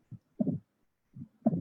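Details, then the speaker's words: Low heart sounds near 57 a minute in constrictive pericarditis, with an early diastolic pericardial knock just after the second heart sound. "I think it is audible. So you can see just after the S2, this is the asterisk. Here comes the pericardial knock."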